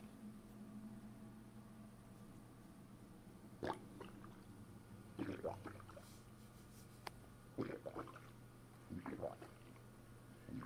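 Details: Bowel sounds (borborygmi) after a bowel movement, produced by pressing a fist down on the stomach: four short bursts of watery gurgling over a steady room hum.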